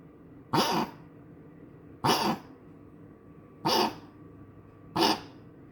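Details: Dog coughing again, recurrent episode: four harsh hacking cough bursts about 1.5 seconds apart in a quiet room.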